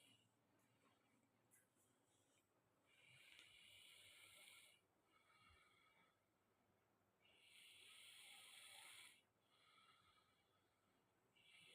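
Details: Person still asleep in the morning, snoring: breathy, hissing snores in slow cycles, about two in twelve seconds.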